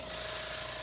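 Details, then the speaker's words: Oral suction machine attached to a suction wand and switched on: it does nothing until the wand vent is covered, then it removes liquid. Steady, even hiss of the unit running with the vent covered and drawing suction. "If we turn it on and we try to use it without the vent being covered, nothing happens. The moment we cover it,"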